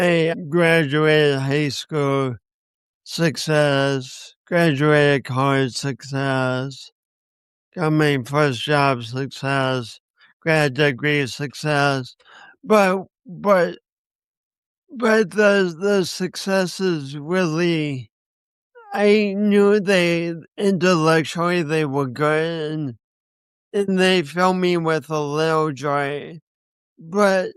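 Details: 50-year-old man with a lifelong speech impediment and coordination issues he links to a birth injury and describes as a disability; dysarthria.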